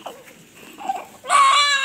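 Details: Newborn just after normal delivery, stable, being quickly cleaned: soft whimpers, then a strong, clear, sustained cry; normal newborn cry.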